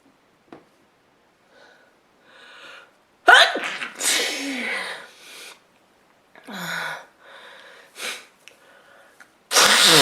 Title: Woman sneezes a lot and blowing her nose in handkerchief